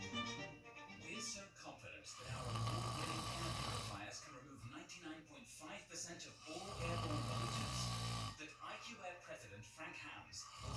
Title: Snoring duck sleeping again!!